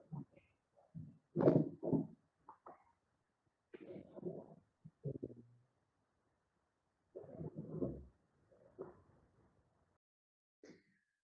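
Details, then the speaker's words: Adult man's overnight sleep study audio, with normal AHI, ODI and mean saturation but small oximetry oscillations: quiet, low, rumbling snore bursts recurring irregularly through respiratory events; obstructive snoring. "so what you i hope you can appreciate from that is that he has obstructive snoring um throughout these respiratory events"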